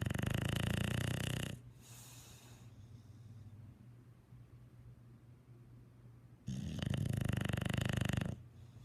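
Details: English bulldog snoring: loud, harsh, buzzing snores on two long breaths with quieter noisy breathing between; snoring.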